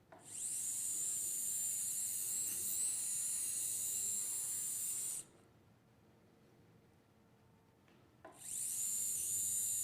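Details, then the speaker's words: High-pitched diamond-tipped drill whine running about five seconds, stopping, then restarting, resecting part of the facet joint during full-endoscopic transforaminal spine surgery while the cannula protects the exiting nerve root. "what kind of drill it's a diamond trim yeah this is a dime material diamond the tip is diamond yeah"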